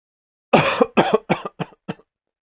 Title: Human Sound | Very Sick Man Coughing